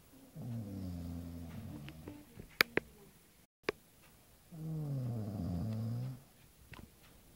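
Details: Two deep, rattling snoring breaths with a few sharp clicks between them, recorded in a quiet room; snoring.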